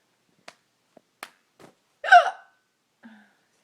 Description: I get the hiccups once a year and they are absurd